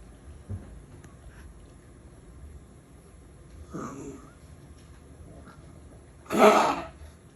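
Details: Wheezing cough from a dog described as struggling to breathe: a faint, strained wheezy breath, then one sharp, harsh cough burst in a quiet room.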